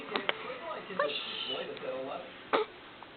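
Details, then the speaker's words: Infant boy with hiccups: a few brief, sharp hiccup bursts, with soft voice sounds between them in a quiet room. "Hello. With your hiccup. Oh, my goodness me. Oh, my goodness."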